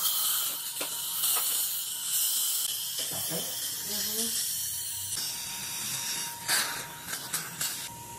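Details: Dental instrument noise during root canal treatment in a patient with an active dental abscess: steady high hiss of suction and air, a faint whine and brief clicks.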